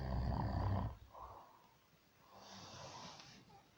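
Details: Snoring from a man who says he doesn't snore: a loud, rough snoring breath, then a quieter airy breath in a small room.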